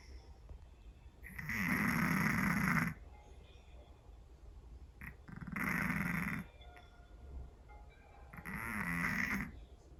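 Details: Heavy snoring from a sleeping Scottish Fold cat: three loud, rattling snores over ten seconds, each about a second and a half long, with quiet breathing between them.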